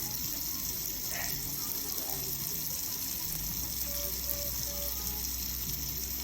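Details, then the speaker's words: Running tap water and scrubbing of each side of the fingers and the forearms during a surgeon's 5-minute pre-operative surgical hand scrub, with faint background music. "We spend about 30 seconds on each part of this arm as well, and then we get to move over to the other hand. Here we go, scrubbing each side of each finger."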